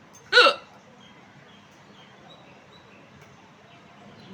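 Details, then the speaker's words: One sharp, loud hiccup, then quiet, with the start of another at the end; a woman's real, very forceful hiccups. Hiccups. "है जी आया पंडित जी कितना जोर से हिचकी ये मेरी रियल हिचकी एकदम जोरदार इसका मैं थंबनेल में लिखूंगी टाइटल जोरदार हिचकी"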